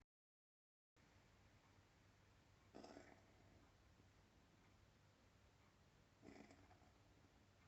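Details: Cat giving two short, harsh coughs a few seconds apart over steady background noise, recorded 30/3/2022.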